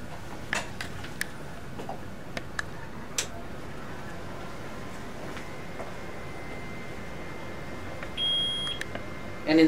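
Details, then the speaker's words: Intra-aortic balloon pump switched on via right-side on/off switch after replacing its helium tank, in a critical care nurse demonstration: switch click, short electronic beep, rising machine hum; intra-aortic balloon pump powering on. "seconds we can we can hear it turn on and there will be lights on the dash"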